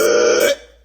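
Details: A single short, strained throaty heave: a gagging, retching sound.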